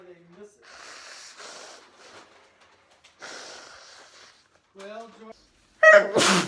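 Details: Adult allergy sneezing: sharp breathy inhalations and voiced catches build up to one loud, explosive allergic sneeze.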